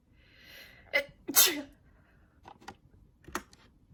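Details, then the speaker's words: Person having a sneezing fit while streaming: a quick run of sharp sneezes, one loud burst after a short in-breath, then softer ones. "I need to stay muted for a minute because I am in the in the middle of another sneeze. Attack. I can't unmute."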